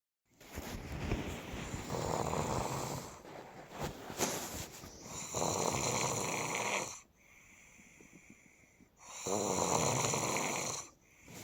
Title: Snoring part 2